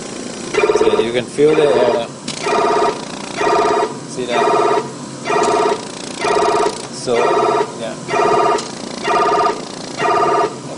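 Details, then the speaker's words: Bear 1 adult ventilator sounding a repeating electronic alarm, about one burst a second: a low pressure alarm, meaning gas is not being delivered to the patient in the set amount. "so that's why it's keeping us a low pressure alarms okay so this basically is telling at a something going on there"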